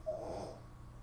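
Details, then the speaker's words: Single brief, soft rattling snore from a dog sleeping in the background, faint beneath quiet room sound during a live weather broadcast. "and you can hear a dog snoring in the background when we do our tropical uh videos during the season at night because"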